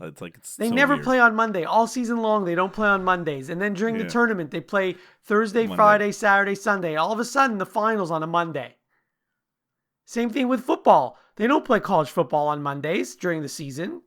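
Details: Adult speaker; ordinary speech.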